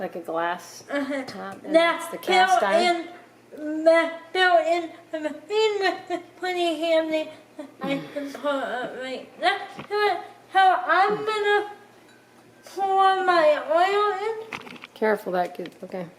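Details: Dysarthria in a speaker with cerebral palsy.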